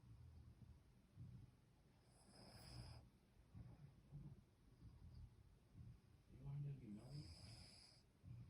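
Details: Dog in deep sleep lying upside down: soft, low rumbling breaths with occasional snorts against faint room noise; snoring.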